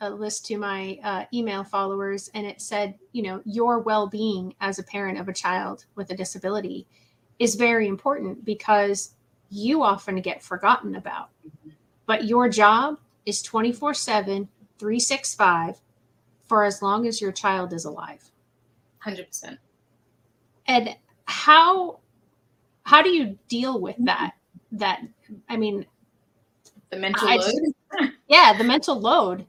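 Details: Adult woman speaking, possibly with a second voice in conversation; typical speech.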